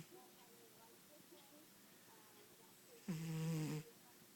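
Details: Cat named Toby asleep, breathing quietly, then one loud, buzzing, rattly snore lasting under a second: snoring.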